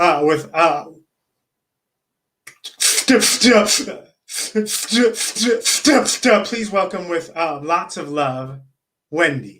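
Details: Adult man who says he is a person who stutters; repetitions and long pauses; stuttering.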